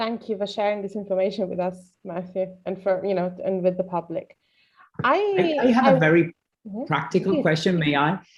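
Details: Adult speaker, likely female; normal speech.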